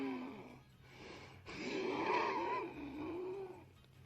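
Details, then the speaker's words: Adult with a respiratory illness breathing noisily, with a musical whistling wheeze through the longer out-breath; the wheezing sometimes wakes them at night. "That is awful. Yeah. All right. And I wake myself up sometimes because I can hear myself Yeah. wheezing."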